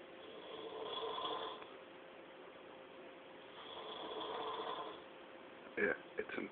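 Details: A person snoring in a dorm room: two long, soft, rasping breaths about three seconds apart, followed by a few brief room noises; snoring.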